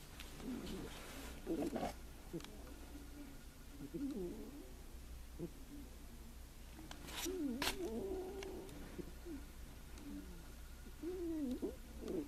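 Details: Soft, squeaky snoring repeating every few seconds over low room hum from a sleeping Russian Blue cat taking a nap in deep sleep.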